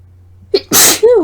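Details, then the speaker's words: Induced sneeze during a talking recording, speaker reports allergies: short in-breath catch then a loud, explosive sneeze with a brief voiced tail. "oh my God okay that was insane these are really messy if I didn't know any better think I was sick"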